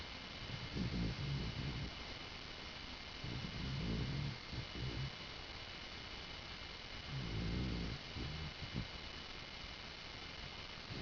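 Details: Snoring from a pet dog sleeping on the owner's bed: low rumbling snores, about three breaths in eleven seconds, over a steady background hiss.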